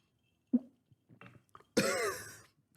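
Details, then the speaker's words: Adult man coughs while holding a drink in his mouth, giving a muffled, sputtering, odd wet burst: cough. "the [ __ ] was that sound I had to cough but I had a drink in my mouth God I make some weird noises"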